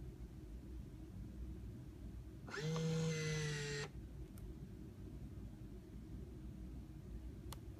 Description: brief video showing basic operation of the B.Braun Infusomat Space IV pump